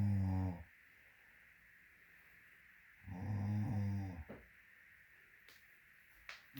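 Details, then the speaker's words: Sleeping female wearing a Snore-Eze snore aid in her ear, snoring loud enough to hear from the next room: two long, low, rattling snores about three seconds apart with quiet pauses; ordinary snoring. "That green thing in her ear is a snore aid. I don't think it's helping unless it's aiding in her snoring."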